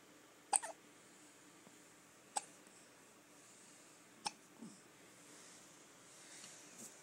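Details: Three sharp, abrupt hiccups about two seconds apart from a 2-month-old baby girl lying in bed; ordinary hiccups.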